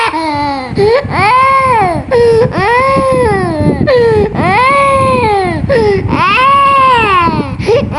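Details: Young child sick with a cold, coughing and in discomfort: loud, sustained, repeated wailing cries with brief gasping breaths between. Distressed crying.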